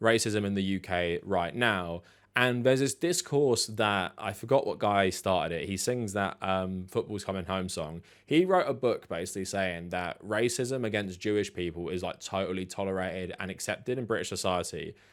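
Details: Adult male speaker; Normal fluent speech.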